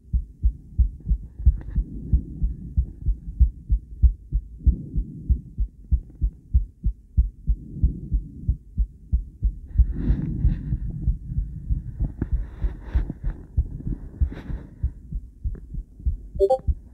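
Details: Female heart recorded with a cardiac ultrasound transducer alongside ECG: a steady whooshing, pulsing heartbeat at about 94 beats a minute; normal heartbeat.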